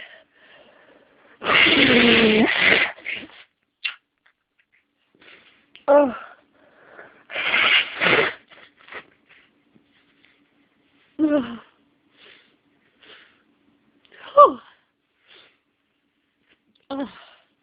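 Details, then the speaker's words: Person with nasal congestion and a tickle in the nose struggles to sneeze: two loud noisy bursts, each with a strained drawn-in buildup, then several short sighing vocal sounds; a stuck sneeze. "It's making me want to sneeze. But it's not quite there. Come on. I just want to sneeze."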